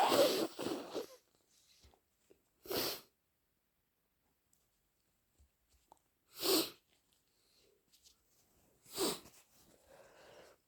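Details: Four loud, explosive sneezes a few seconds apart in a quiet room; sneezes possibly induced, allergies suspected.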